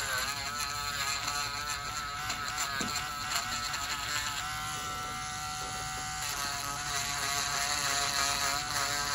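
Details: Dialysis patient with severe fungal toenail infection never before seen by a doctor, as a steady high-pitched podiatry nail drill thins the thickened toenails, pitch shifting under pressure; samples sent for microscopy and DNA testing.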